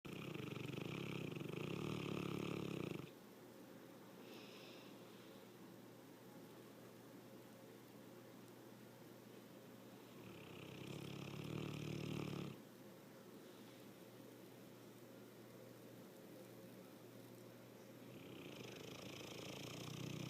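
Slow, soft, rumbling snores roughly every eight seconds, with quiet stretches between; ordinary animal snoring.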